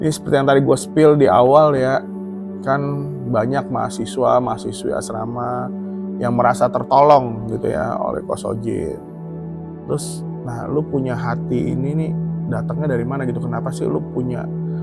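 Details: Adult male interviewer; Ordinary speech.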